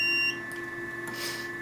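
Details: Short high electronic beep that stops abruptly over faint room noise: the Venus Viva radiofrequency skin-rejuvenation handpiece signalling a completed pulse during facial treatment.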